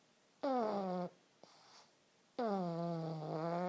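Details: Pug (flat-faced dog) snoring: two loud, whistling, tone-like snores with falling pitch and a soft breath between them; snoring.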